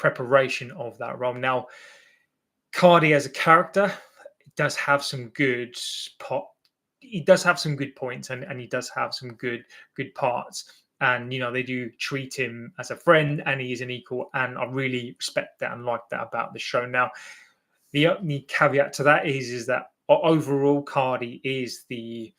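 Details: Adult male with an accepted stammer, less fluent when nervous or in front of an audience; word and phrase repetitions: stuttering (stammering).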